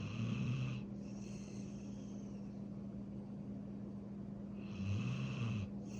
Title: Golden Retriever snores while sleeping